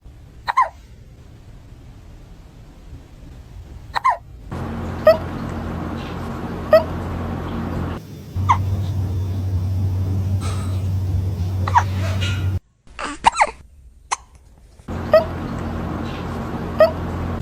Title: I had no idea that cats could get hiccups, too. #cat #usa #hiccups #cathiccups